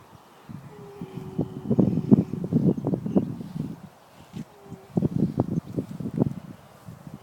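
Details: Horse making sounds while sleeping, owner unsure whether snoring or grunting; snoring.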